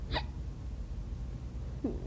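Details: Two brief, abrupt hiccup sounds about 1.7 seconds apart over low background rumble; hiccups.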